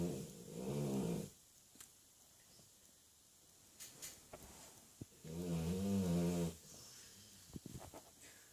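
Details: Sleeping Labrador dog: two long, low rattling snores on breathing in, with quiet breathing between them; snoring.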